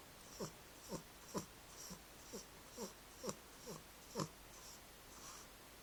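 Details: Snoring from an 11-month-old female cat sleeping curled up in her owner's arms while being held.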